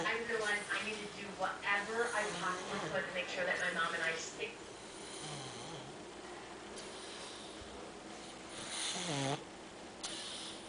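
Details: Snuffling, snorting breaths with throaty rattling from a pug, a short-nosed small dog, wearing boots; snoring during sleep, with some room noise.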